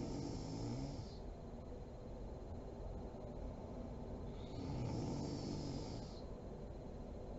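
Two long, rough rattling breaths about four seconds apart against steady room noise; ordinary snoring during sleep.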